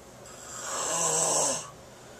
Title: The sounds of snoring